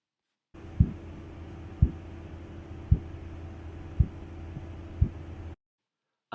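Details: Korotkoff sounds, phase 4, heard over the brachial artery while a manual sphygmomanometer cuff is slowly deflated at about 2 mmHg per second; follows phase 1 tapping, phase 2 swishing and phase 3 crisp sounds.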